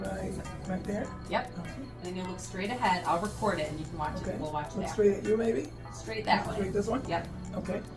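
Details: Adult clinician with patient; clinician speaking.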